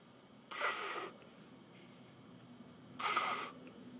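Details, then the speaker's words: Loud, harsh, hollow bronchial breathing without crackles, heard in final-stage fluid overload or other lung consolidation, after the expiratory crackles disappear; bronchial breath sounds. "when you hear bronchial breath sounds and no crackles, this is a sign of fluid overload or other consolidation in the lung tissue"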